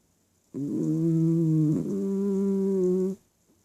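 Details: Snoring in a quiet room: two long, steady, droning voiced snores, the second following a brief catch in the sound.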